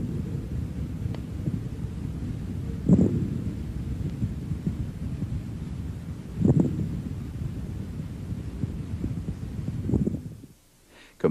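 Low, rumbling breath sounds through a stethoscope with loud, low-pitched popping and bubbling clicks during the breaths: coarse crackles.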